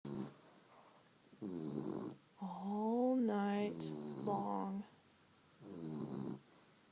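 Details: Snoring from a sleeping beagle lying on the owner's lap, filmed on an iPhone: loud snores, each breath a rough rising then falling drone, with quieter breaths between.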